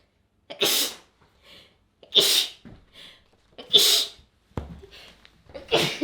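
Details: Sneezing while reading a Japanese text aloud.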